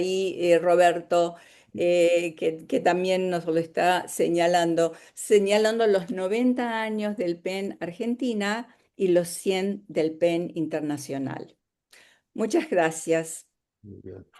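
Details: Adult woman speaking Spanish; Normal voice.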